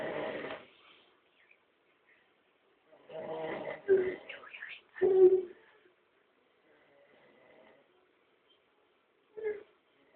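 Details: Snoring: a few rough, rattly breaths separated by quiet pauses, faint background music.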